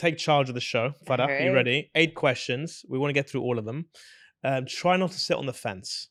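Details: Adult male speaker; typical speech.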